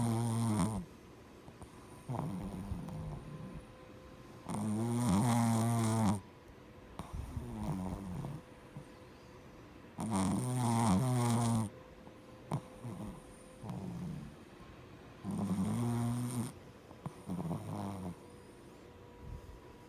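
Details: A very tired pet sleeping: rhythmic rumbling snores at about 11 breaths a minute over a faint steady hum; snoring.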